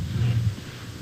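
A low-pitched, continuous rumbling, snoring-like sound rises midway through and holds to the end: rhonchi.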